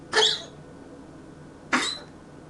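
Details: Cat coughing at 4 a.m.: two short, sharp, harsh bursts about a second and a half apart in a quiet room.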